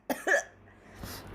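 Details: Adult who says they are sick, a self-styled COVID-19 look, doing a makeup tutorial: two quick, dry cough bursts in close succession, followed by a soft breath in.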